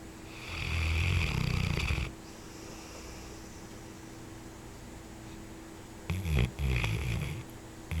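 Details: Two rough, fluttering snoring breaths separated by a quiet pause, from a person while sleeping, over a steady room hum; snoring.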